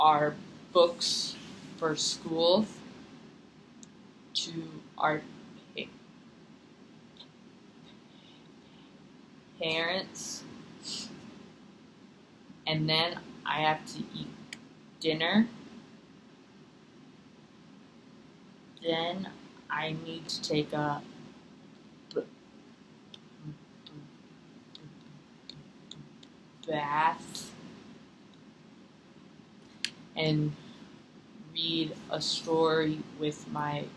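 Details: Acted role-play therapy session: a six-year-old client who stutters mostly at sentence beginnings, with eye closing, facial tension and chin tucking, is asked to notice what happens while stuttering; stuttering (acted).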